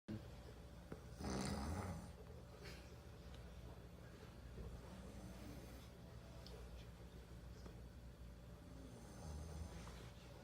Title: Snoring on Vacation..